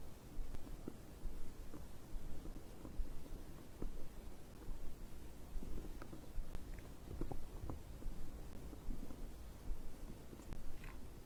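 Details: Low irregular gurgling and rumbling with occasional clicks; normal digestive bowel sounds (stomach growling) recorded after drinking a beverage.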